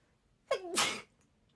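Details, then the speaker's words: A young Japanese woman with a tickly nose during pollen season (hay fever) says she's about to sneeze, then gives a single sneeze: a brief voiced intake followed by a sharp, forceful burst of air, then quiet. "やばい、くしゃみ出そう。うわっ、死にそう。"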